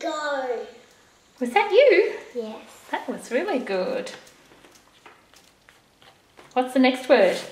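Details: Adult woman speaking in a small room; Typical adult speech.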